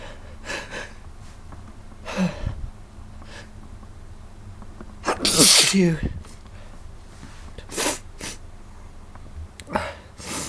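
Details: A forceful sneeze burst with a sharp inward gasp before it, among several smaller breathy sounds in a quiet room; sneezing.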